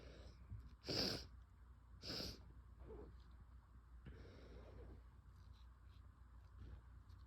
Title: strong sick sneezes + nose blows